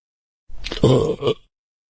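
A single deep, rumbling belch lasting about a second; a burp from a sound-effect recording.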